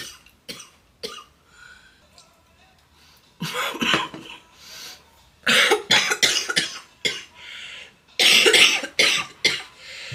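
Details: Girl coughing in repeated bouts of short, sharp, dry-sounding coughs with quiet pauses between; cough.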